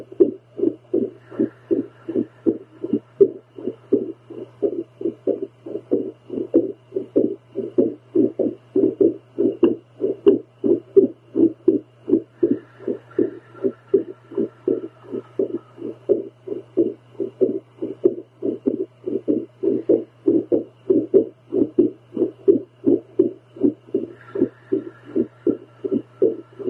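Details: A woman's own heartbeat recorded with a home heartbeat Doppler while she tries to calm it with paced breathing: strong whooshing beats around 86 per minute with a very irregular rhythm over a low hum.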